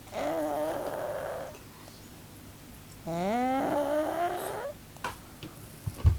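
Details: Sleeping pug lying flat and squashed, giving two long, loud, rattling snores, typical noisy breathing of a flat-faced breed.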